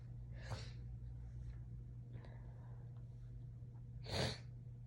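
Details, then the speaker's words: A person in bed, nose irritated after cleaning a cat litter box and tickled with hair strands to trigger sneezes, gives two sneezes a few seconds apart, partly stifled, with a softer one between, over low hum; itchy sneeze fit. "I have to try to stifle them because my roommates are home and it's late."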